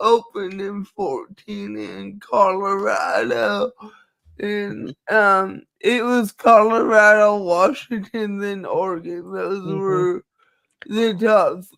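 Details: Dysarthria in a woman who states she has cerebral palsy and that nothing can be done about it; finding: dysarthria (cerebral palsy).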